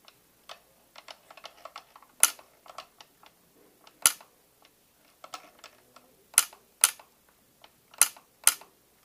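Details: YAG laser vitreolysis of a bothersome, classic-appearing eye floater in a female patient looking far left then straight ahead; sharp, irregular clicks and snaps in a quiet room as the laser fires.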